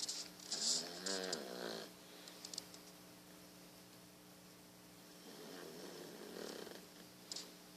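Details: Sleeping Beagle snoring: soft rattling breath noises, a couple of snore cycles in a quiet room with a steady background hum.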